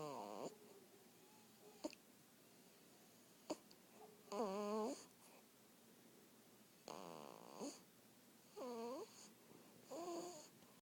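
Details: Soft, whistling, tonal breathing in a quiet room, about 14 a minute, with occasional clicks; light snoring.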